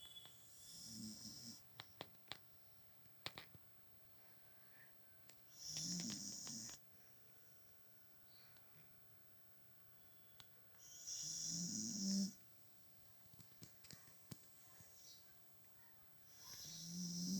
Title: Cute Beagle snoring